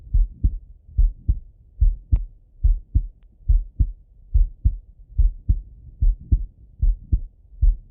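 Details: Male heart auscultation, self-recorded partly sitting at a desk and partly lying in bed: steady paired lub-dub at about 71 a minute, no extra sounds between beats; normal heart sounds.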